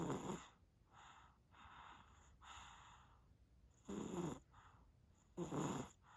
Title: 너무 피곤해서 코고는 아기. #cutebaby #sleeping #snoring #tired